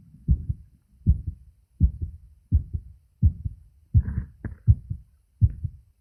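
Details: Adult male's own normal heart sounds recorded with a phone microphone at the auscultation points, with a few pushes at the end.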